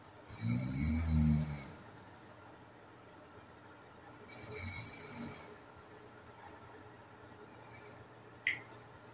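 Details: Overnight home recording of a person with sleep apnea, where apnea and hypopnea events are noted: two harsh snores, then a long silent gap without breathing fitting an apnea pause; snoring with sleep apnea.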